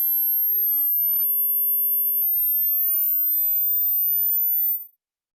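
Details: Hearing-test tone: a steady, very high-pitched whistle rising slightly, about five seconds long. Hearing it up to 8000 Hz at age 60+ is said to mean normal hearing.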